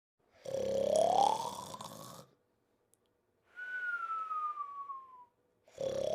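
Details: Simulated cartoon snoring and whistling (Pink Panther): a rising snore-like inhale followed by a falling whistle on the out-breath.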